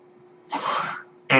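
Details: Home mechanical ventilator cycling during a podcast: soft airy whoosh of a delivered breath, then the start of another, over a steady low machine hum.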